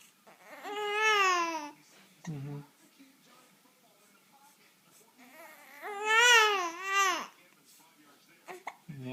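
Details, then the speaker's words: Fussy infant with hiccups, being talked to by dad: two fussy, wavering cries with short voiced sounds between them, in quiet room noise. "Oh, that was kind of whiny. That was really whiny. Oh, you're getting mad."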